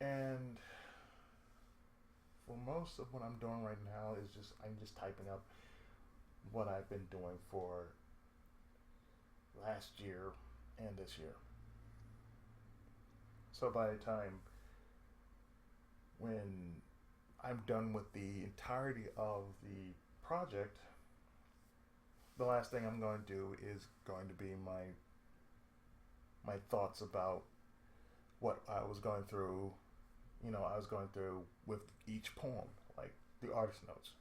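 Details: Adult male with lifelong cerebral palsy and speech difficulty since childhood: dysarthric speech (cerebral palsy).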